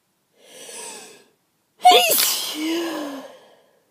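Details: Person's sneezing fit in bed just after waking, at least ten sneezes before recording: soft breath in, then a forceful, noisy sneeze trailing into a voiced exhale.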